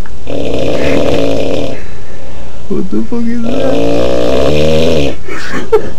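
Very loud, distorted, rumbling snores with a fluttering, buzzy quality, two long bursts separated by a snort-like sound.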